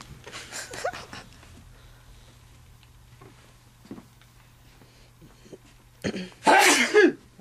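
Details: A single loud, explosive adult male sneeze after brief voices in a quiet room; allergies are mentioned as a possible cause.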